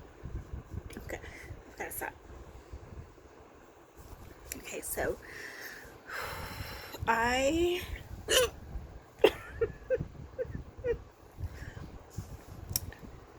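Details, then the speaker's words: Person who rarely hiccups, bout lasting about 15 minutes: sudden, sharp, irregular hiccup sounds mixed with breathy voice and faint background noise; prolonged hiccups. "I have never hiccuped long in my life so I'm just like something down here it's like taking 15 minutes I've gotta stop"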